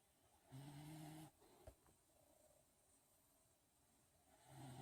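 Faint low humming snore on a breath, a quiet pause, then another snore starting; soft background noise.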